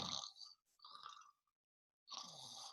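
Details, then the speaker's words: Imitated snoring: three rough, raspy snorting breaths with a pause, illustrating light snoring from the airway flap closing partway during sleep. "now if it closes part way the person just snores right when that when that flap closes in our windpipe partway we get"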